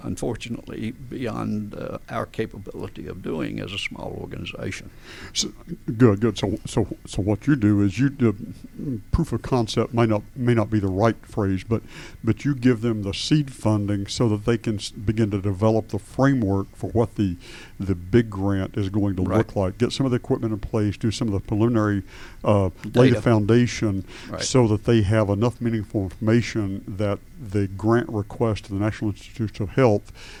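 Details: Adult man with adductor spasmodic dysphonia, onset around 1999-2000: laryngeal spasms make his vocal folds slam together and not release, so speaking takes more effort; treated with botulinum toxin injections; adductor spasmodic dysphonia.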